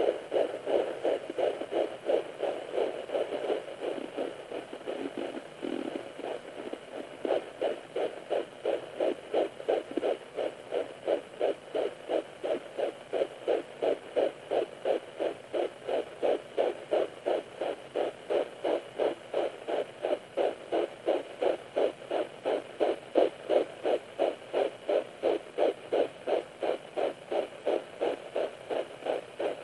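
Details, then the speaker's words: Fetal heartbeat at 9 weeks 4 days of pregnancy on a home fetal Doppler (setting 1): rapid, regular galloping pulses about 160–170 bpm, swishing blood flow and probe-moving sounds; fetal heartbeat on Doppler. "this video you will hear the baby's heartbeat which sounds like a fast galloping sound you will also hear me moving the doppler to find the heartbeat better"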